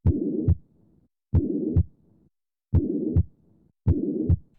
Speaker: Also listen for murmurs which are blowing swishing sounds that result from turbulent blood flow in the heart or great vessels. A midsystolic murmur sounds like this.